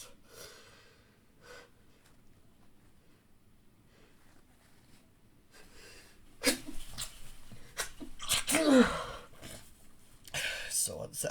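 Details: Male trying to hold back sneezes so others won't hear him: a run of sharp, muffled sneeze bursts held back in the throat and nose, stifled sneezing.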